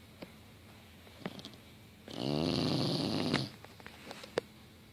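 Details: English Bulldog asleep on the couch with her tongue sticking out: one loud, rattling snore over a second long against a quiet room, with faint clicks; loud snoring.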